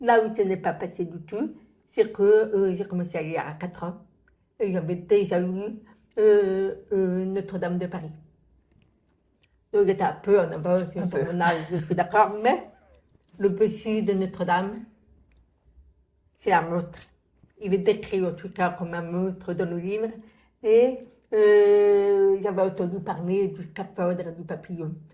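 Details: Adult woman born profoundly deaf, who reads lips and had thousands of hours of childhood speech therapy after doctors predicted she would never speak; deaf speech of a person born profoundly deaf.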